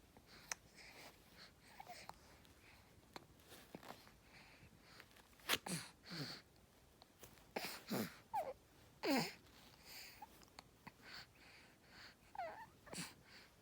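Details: An infant girl with hiccups: short, sudden gulping catches at irregular intervals over quiet breathing in a small room; hiccups.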